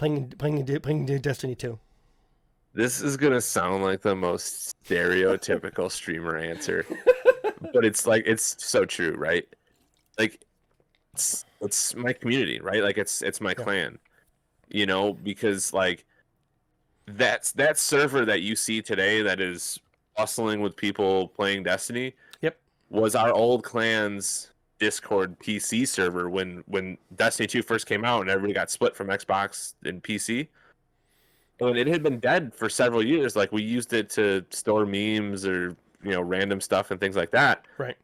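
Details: Adult male speaker; normal speech.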